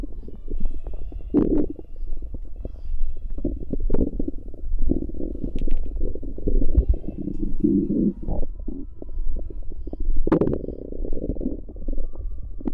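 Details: Bowel sounds recorded from a pregnant woman's abdomen: low, rumbling gurgles in irregular bursts, ordinary digestive noise.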